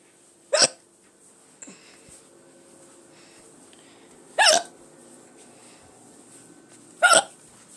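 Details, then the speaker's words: Person filmed on June 8th deliberately recording ongoing hiccups: three sharp, abrupt gulping hiccups a few seconds apart over a quiet background; ordinary hiccups. "okay please have another hiccup there we go okay uh"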